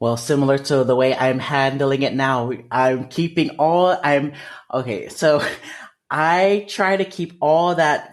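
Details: Developmental stuttering, which he calls a speech disfluency, in an adult man.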